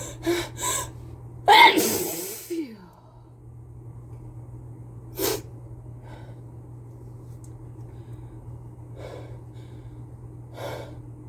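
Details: Person with a cold sneezing into a face mask: quick gasping inhalations, a loud explosive sneeze, then breathy exhalations and further sniffs over a steady hum.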